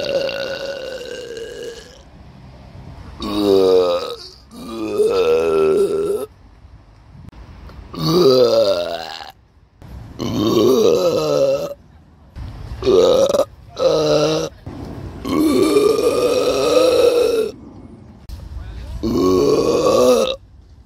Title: #Burp in Stellingen || #Rülpsen in Stellingen